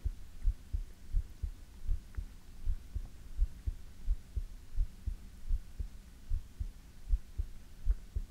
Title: ASMR - You can't Beat it ❤|Heartbeat